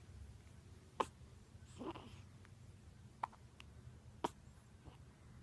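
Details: Baby hiccups: three sharp, brief catching sounds about a second apart in a quiet room, with a soft vocal sound between.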